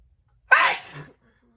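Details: A single loud, wet sneeze: a sharp burst followed by a trailing voiced tail.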